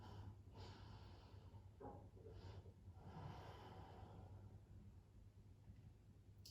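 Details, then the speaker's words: A pet dog snoring softly in the background during a pregnancy yoga floor-exercise session; snoring. "i'm wondering if you can hear lucy snoring my dog snoring in the"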